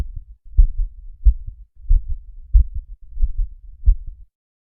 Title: Ausculta Cardíaca